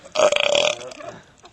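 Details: Best man at a wedding: a single long, loud, rattling burp lasting about a second during a toast; ordinary belching.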